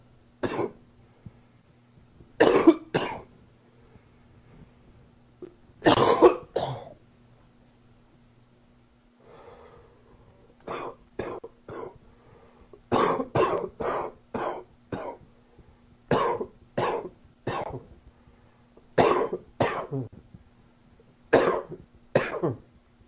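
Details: Adult with a summer common cold coughing repeatedly in short, moderately loose clusters: cough from common cold.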